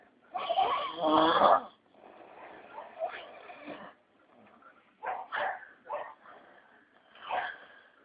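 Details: Loud, rough, rattling snores in irregular bursts with quieter snorts between them from an adult man during sleep; snoring.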